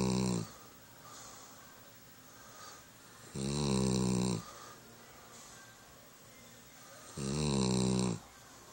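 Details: German Shepherd dog snoring in sleep: loud, rough, vibrating snores on each in-breath, about 8 breaths a minute, with quieter out-breaths.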